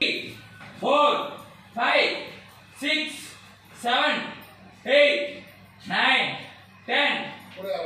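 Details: Male patient treated for puberphonia (double voice), counting aloud as his voice is recorded; unclear whether before or after treatment; puberphonia.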